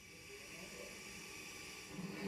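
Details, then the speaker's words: Steady loud hissing grind of a surgical drill boring one of four burr holes into the skull of an awake patient with Tourette's syndrome undergoing deep brain stimulation surgery; not painful, just loud. "so what i'm about to do is not painful at all okay it's not a painful procedure it's just really loud here we go to begin four holes are drilled into her skull"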